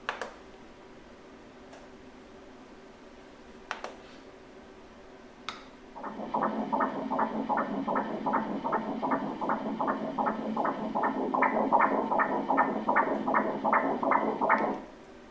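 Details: Doppler ultrasound fetal heartbeat at 12 weeks' pregnancy in a patient with thrombophilia and cervical insufficiency: rapid, regular whooshing at about 157 beats per minute, a normal rate.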